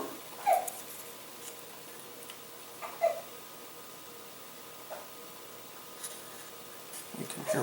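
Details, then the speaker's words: A baby hiccups in the background; he may start screaming again. "in the background with hiccups, which probably means he's going to start screaming again because babies hate having the hiccups, and they have them all the time."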